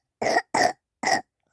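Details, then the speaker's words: Three short, sharp cough bursts in quick succession, a brief coughing fit, heard just after waking in the morning; cough. "Oh, nasty cough. Nasty cough. Nasty cough."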